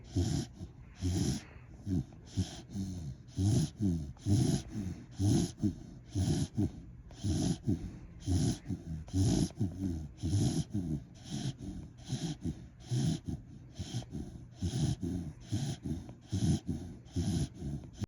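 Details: A sleeping dog snores with quick, rhythmic, rumbling snorts on each breath: snoring.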